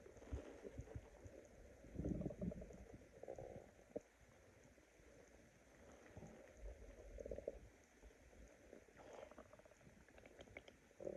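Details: Irregular low gurgles and rumbling bubbling sounds from a hungry person's stomach; stomach growling (borborygmi).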